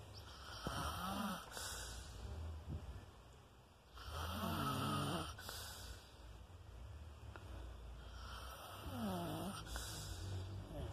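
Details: Person filmed asleep while snoring: three loud, rough snoring breaths with fluttering low vibration, spaced about four seconds apart, over steady room noise; snoring.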